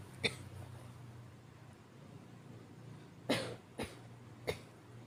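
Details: Acted voice performance of a weak cough: four soft, brief coughs over a steady low background hum.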